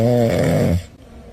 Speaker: Kenapa kucing juga mendengkur saat tidur? Apakah mereka sedang mimpi indah saat tidur? Kucing sering mendengkur karena tubuhnya sedang berada dalam kondisi paling rileks.